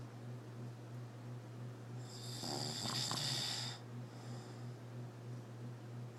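A single loud rasping snore over a steady low room hum.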